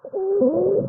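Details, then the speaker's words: Stridor played as an emergency airway-assessment teaching example: a high, musical, crowing breath sound under a second, the kind produced by upper airway obstruction from airway oedema (e.g. epiglottitis, anaphylaxis, burns) or foreign body; audible with or without a stethoscope. "스트리도는 기도 부종이나 이물질로 이렇게 상기도가 폐쇄돼서 숨소리가 나는 거고, 기도 부종은 이제 후두개염, 아나필락시스, 화상 뭐 이런 거에서 발생할 수도 있죠."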